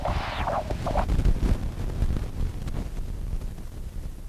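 Low, wind-like Doppler whooshing with a faint, soft systolic flow sound and gentle diastolic inflow, typical of mild physiologic tricuspid regurgitation in a healthy heart.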